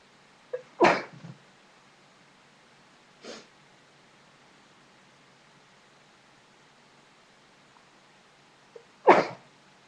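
Two strong sneezes, each preceded by a quick in-breath, with a smaller sneeze between them in a quiet room.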